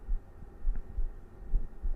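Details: Normal heart sounds of a young man streamer, soft paired low thumps about 65–70 per minute over low hum, heart sounds for listeners falling asleep.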